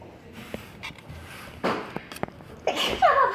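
In a quiet room, a sudden sharp burst of air is followed by a second explosive burst and a brief voiced exclamation: a sneeze.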